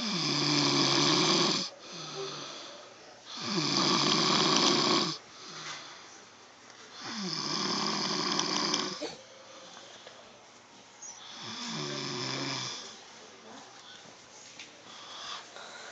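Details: Adult man (stepfather) who denies snoring: loud rough snores on each breath in, about 17 a minute, quieter breaths out between; ordinary snoring.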